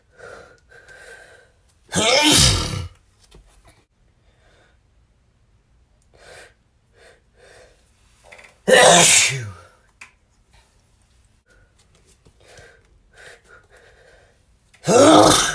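Three loud, explosive sneezes, each after a quick inward breath, with quiet breathing between them. Ordinary sneezing.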